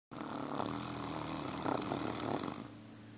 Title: REAL MASTINO SNORING CAUGHT ON TAPE! MASZTIFF IGAZI HORKOLÁS!